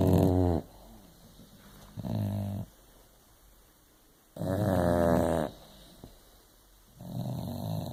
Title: Mabel dainty snore